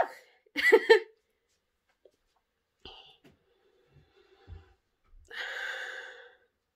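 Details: A woman sniffs pepper to provoke sneezes: a sharp sneeze burst with an inward breath, then later a longer, loud honking nose blow to clear her sinuses; a normal sneeze reflex.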